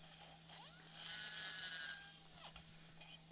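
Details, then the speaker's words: High-pitched surgical spine drill whining in short bursts over operating-room hum, drilling the lamina over the spinal cord during a live cervical laminectomy at C6-C7, part of a posterior cervical decompression and fusion C3-T2 for deformity, disc herniations and foraminal narrowing. "Oh, by the way, we're drilling on top of the spinal cord. So you really want to be careful."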